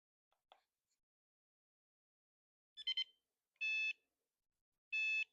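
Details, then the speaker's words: Medtronic deep brain stimulation recharger for an adult with Parkinson's, implanted about a year ago, worn over the implant: soft click, searching chirps, then two steady high beeps as it finds the implant and starts charging. "And then that beeping means it's looking for you. And then that beep means it found you. And so now it's charging."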